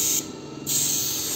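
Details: ATMOS Record 55 medical suction unit, port briefly closed: steady high airy hiss that drops as the port is occluded, then returns.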